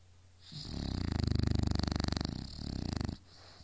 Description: She wouldn't believe me when I told her she snored.